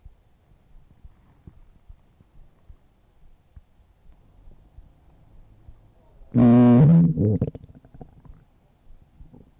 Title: stomach growling 6